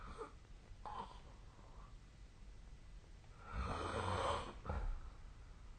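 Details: Snoring during sleep.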